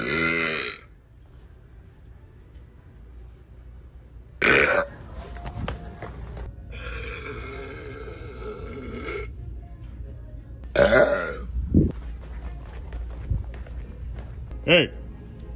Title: Burping LOUD in Walmart